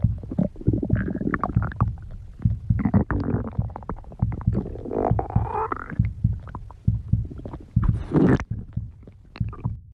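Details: Stomach growling (borborygmi).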